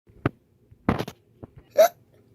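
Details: Cartoon character Peppa Pig with acted hiccups: several short, abrupt vocal catches, one ending in a squeaky pitch; simulated hiccups.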